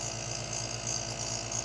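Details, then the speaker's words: Home nebulizer compressor running again after repair of a unit that was not producing mist: steady electric hum with a fast, regular motor buzz, and strong mist output. "Tingnan natin yun kung uusok siya. So ayun, umuusok na oh. Ayan oh, ang lakas ng usok oh."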